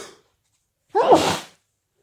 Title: allergy sneezes